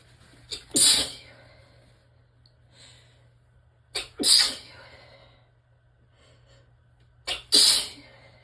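Three sneezes, each a short in-breath followed by a sharp explosive burst, spaced a few seconds apart in a quiet room.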